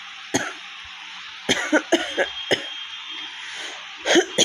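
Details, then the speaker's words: Real, not simulated, repeated short harsh coughs with throat clearing from a woman with a cold and a fully sore, hoarse throat, after a week of fever; recorded at a shop over room hiss. "না, আমার কাশি আসবে, একটু পরে করাও। তো সর্দি করেছে না, গলা পুরো ধরেই আছে।"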